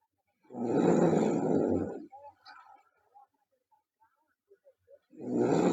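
Loud, rough, rattling snore on each breath in, with quiet gaps between. About 14 breaths a minute.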